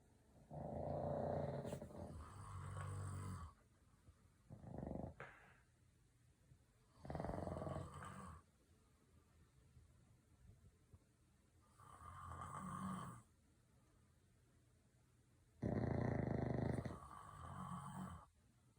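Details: Snoring while asleep: loud, rough snoring on each breath, about five snores with quieter gaps between them; ordinary sleep snoring.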